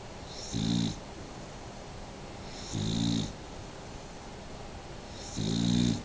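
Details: Three rough, rumbling snores on the in-breath, roughly every two and a half seconds, over faint room noise; a sleeping dog snoring.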